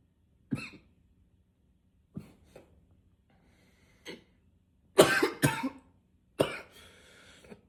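Repeated harsh coughs, about six in under eight seconds, some in quick pairs, with quiet breaths between; a persistent cough.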